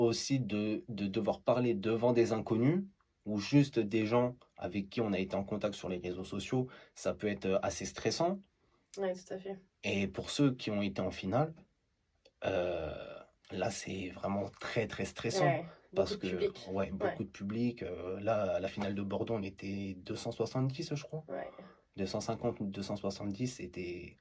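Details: Man who stutters; stuttering.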